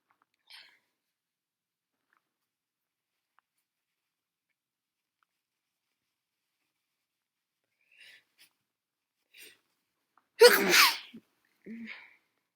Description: Exactly what it says on the tin. These were SO snotty.